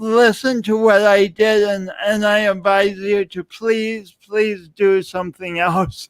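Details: Adult man speaking; speech impediment.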